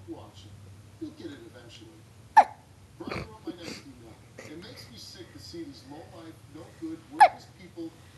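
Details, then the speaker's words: Boy sitting in his bouncy seat with hiccups: two sharp, abrupt hiccup sounds about five seconds apart, with a voice in the background. "You got the hiccups, buddy."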